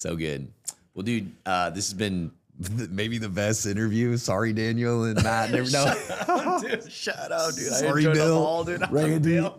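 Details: Adult male speaker; typical speech.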